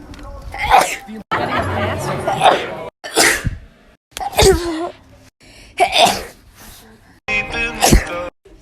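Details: About six loud sneezes, each a short breath in then an explosive burst, edited together with brief cuts; sneezing.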